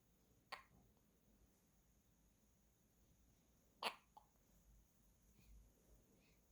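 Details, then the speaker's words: Newborn hiccups after feeding, with the baby held in arms wearing a hat and socks for warmth in a 25.5°C room: two soft, brief hiccups a few seconds apart; the parent suspects slight chilling as the cause. "딸국질은 뭐 수시로 좀 자주 하니까음 이유는 특별히 없고 그냥 약간 추우면 예 약간 체온이 떨어지면"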